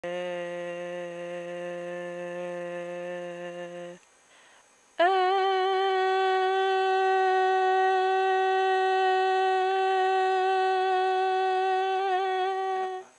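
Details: Adult voice; normal phonation.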